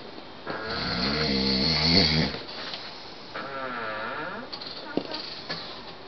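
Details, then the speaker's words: Adult man (husband) asleep, recorded through a bedroom wall: loud, harsh, vibrating snores on each breath with faint room noise; heavy snoring. "you roll over you're going to hurt your throat nor so loud me yeah you're snoring really loud and I finally got you on tape"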